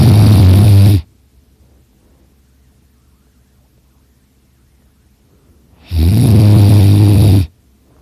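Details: Person napping on a couch, very loud snoring that leaves the throat a little sore, two loud deep rumbling snores about six seconds apart with quiet breathing between; snoring.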